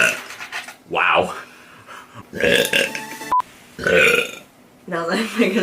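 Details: Young woman releasing several loud, deep, drawn-out burps, with brief talk, laughter and room noise between them.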